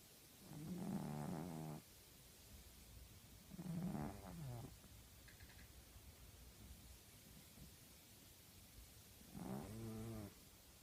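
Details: Snoring in a sleeping female tabby cat: three loud, low, rattling snores over about eleven seconds; ordinary harmless snoring.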